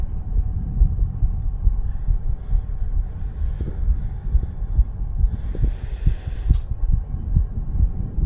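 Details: Rapid, low thumping heartbeat at roughly 130 a minute, partly masked by rumble, in a 34-year-old male under the influence of nicotine and "green stuff"; tachycardia.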